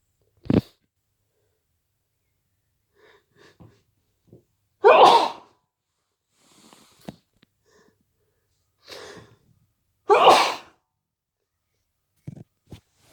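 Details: Induced hay fever sneezes: several sneezes, two loud and explosive, with soft sniffs and breaths between; sneezing.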